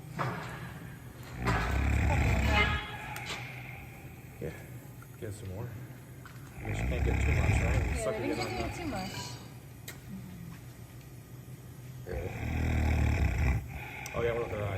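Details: Sedated female bear at a wildlife center snoring while a veterinarian trims her claws: deep, loud, rumbling snores every five to six seconds, about three, with quieter voices and handling noise between.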